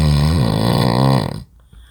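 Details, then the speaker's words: Adult man in deep sleep in a hotel room at night: one very loud, deep, rattling snore that cuts off abruptly into quiet as he startles at his own snoring; heavy snoring. "네 지금 또 자기 자신의 소리에 또 놀랐군요 이상 형님의 코고는 소리였습니다"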